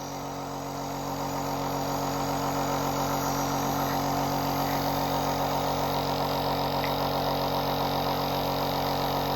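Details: Compressor nebulizer running for a sick young boy with a cold and cough, who starts the machine himself out of habit: a steady mechanical hum with a fast rattling buzz.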